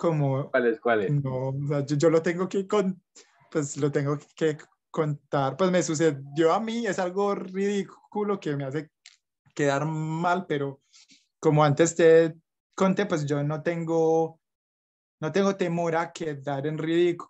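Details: Young Colombian man who stutters, with blocks and repetitions; stuttering.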